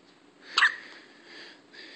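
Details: Newborn baby hiccups: one short, abrupt hiccup over faint room noise.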